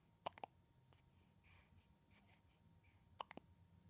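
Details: Awake baby boy hiccuping: faint, sharp little clicks in a quiet room, in two small clusters a few seconds apart; infant hiccups.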